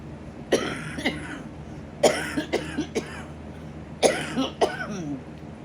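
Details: Adult with a bad lung infection and chest congestion, on nebulizer and inhaler, not on oxygen: about eight harsh, forceful coughs in three close bouts over low background hum, a coughing spell.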